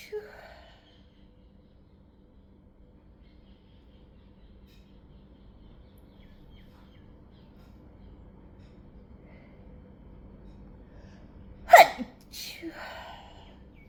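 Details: Quiet room, then a sudden short muffled burst and a fainter second one: a couple of stifled sneezes that turned into a sneezing fit.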